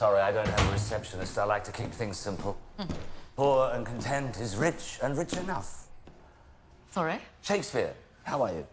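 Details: Adult male actor speaking in a film scene; normal fluent speech.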